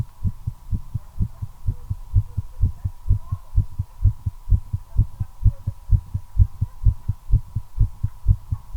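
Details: Own heartbeat recorded during cigarette smoking, accelerating from nicotine: rapid, regular low thumps over a faint steady background hum; tachycardia.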